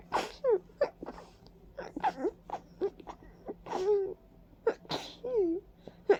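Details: Several wet, forceful, congested sneezes in quick succession with gasping in-breaths, in a stuffy person with runny nose, watering eyes and a persistent tickle, attributed to ragweed and dust; repeated allergic sneezing.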